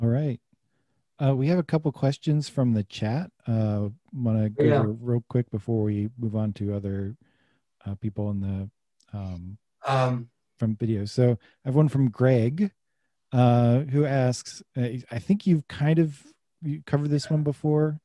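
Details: Adult male speaker; typical speech.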